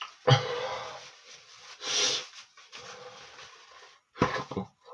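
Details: Male sneezing then blowing his nose; a forceful burst like a sneeze, then a nose-blowing sound and a short closing snort, in a small quiet room.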